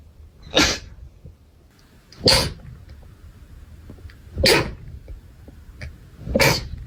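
Four sharp, explosive sneezes spaced about two seconds apart, with quiet breathing between.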